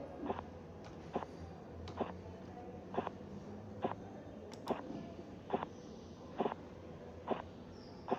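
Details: Korotkoff sounds in severe hypertension during blood pressure auscultation, systolic 182; sounds disappeared at 170 then reappeared (auscultatory gap), finally disappearing at 116.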